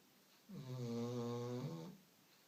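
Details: Pet dog snoring: one long, humming, steady, tonal snore on a breath from the sleeping dog.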